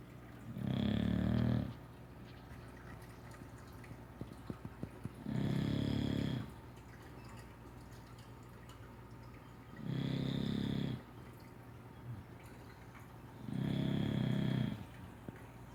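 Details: English Bulldog snoring loudly while asleep after a lazy day, with rough, rattling bursts about every four and a half seconds.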